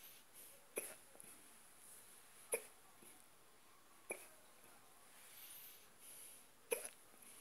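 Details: Stubborn, persistent hiccups: four sharp hiccups about every 1.5 to 2.5 seconds over quiet background hiss; repeated involuntary hiccups.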